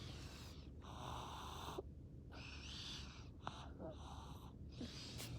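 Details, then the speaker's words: Snoring in a sleeping 2-year-old girl at the hospital before scheduled tonsillectomy and adenoidectomy; noisy rough rattling snore with each breath, consistent with enlarged tonsils and adenoids. "Yeah. Just get her snore on over here. Is she snoring?"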